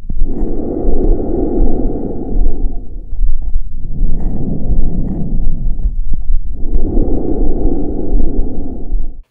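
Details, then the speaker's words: Normal bronchial breath sounds heard over the trachea and larynx: loud, high-pitched, harsh, tubular and hollow, with inspiration much shorter than expiration and a clear pause between phases. "the answer is bronchial breast sounds the pitch is high and Loud the quality is Harsh tubular and Hollow as the inspiration is a lot shorter than the expiration the location for a normal sound is over the trachea and larynx"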